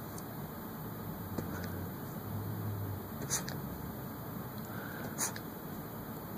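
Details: A Lhasa Apso dog, one-eyed, gives two brief, sharp nasal bursts against a quiet room hum: quick sneezes, described as a sneeze of indignation.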